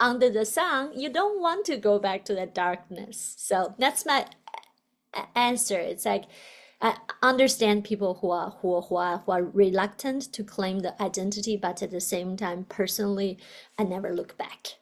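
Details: Adult woman, a doctoral student who stutters, with a word repetition; stuttering.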